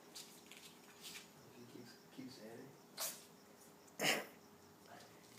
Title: Baby ferret (Wiggles) sneeze attack